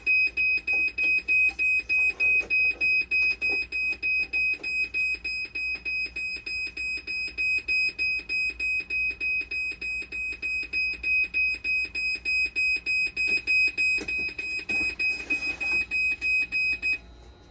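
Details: Rapid, regular high-pitched beeping, about 200 a minute, over faint room noise: a dialysis machine fault alarm during repair of conductivity, 12-volt and BP cuff problems and board swaps.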